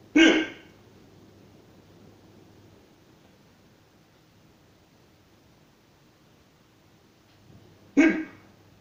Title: Old hiccups 1